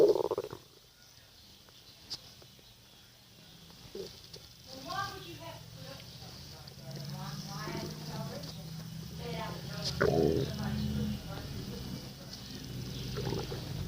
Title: Crazy stomach noises